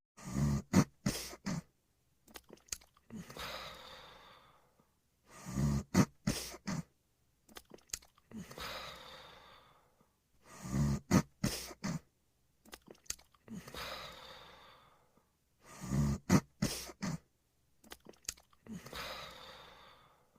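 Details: Steady ordinary snoring during sleep: regular rattling snores with a snorting pull-in and a long airy breath out, about 12 breaths a minute.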